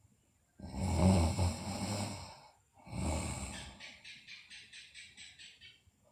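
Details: Sleeping girl snoring, with two loud rough breaths, the second trailing into a fluttering, rattly exhale; recording also features bruxism and delirium.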